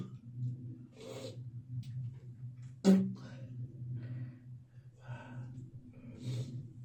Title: Boxing Day morning cough and spitting.